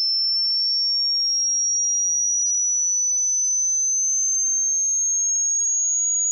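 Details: Pure tone sweeping over 60 seconds from the lowest pitch the human ear can hear to the highest, played near-inaudibly for matching tonal tinnitus pitch.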